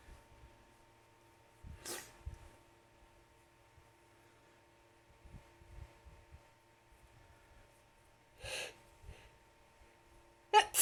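A few sharp, hissing sneeze bursts with quick breaths in between, over a faint steady hum; repeated sneezing.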